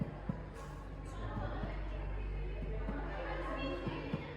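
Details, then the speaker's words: Chest percussion in a patient with rapid shallow breathing, respiratory rate 38: deep, hollow hyperresonant note compared with normal resonance, indicating excess air; palpation then found crepitus. "ini hipersonor, ini sonor ya. Hipersonor itu artinya apa? Ya, dia lebih ngebas ya, lebih ngebas dan lebih lebar suaranya. Itu menandakan bahwa banyak udara di sana."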